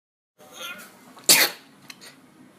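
A short inhaled build-up followed by one sharp, hissing sneeze burst, then quiet room sounds.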